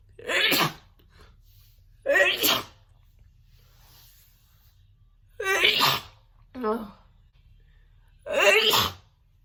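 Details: Woman's big, wet sneezing fit: four loud sneezes in quick succession with a brief vocal sound between them.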